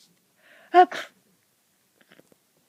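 A single sharp sneeze: a brief voiced intake, then an explosive burst, followed by quiet.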